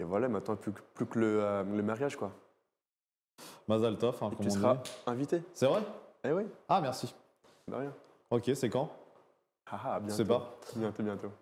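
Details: Stuttering in a 24-year-old man speaking French who stuttered a lot as a child and stutters somewhat less now; audible part-word and word repetitions.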